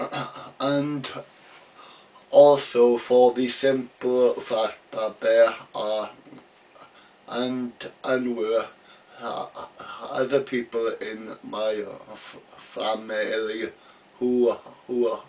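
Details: Adult man, real, stammering since about age three; part-word and word repetitions and blocks heard; stuttering.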